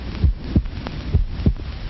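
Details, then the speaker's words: Amplified human heartbeat, deep regular paired thumps about 65 to 70 beats a minute, likened to a jungle drum; shown as electrical pickup and amplification of sound. "actually it is the sound of a human heart which science can amplify a million times just as sound can be amplified by measuring instruments in factories to make sure that gears are smooth"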